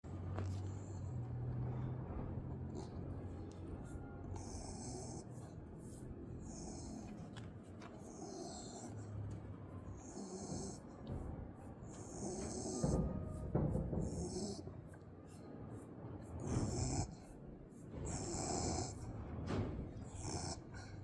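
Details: Dog snoring while being scratched, snores louder the longer the scratches: low rumbling snores recurring over steady scratching and rustling, faint background music; snoring.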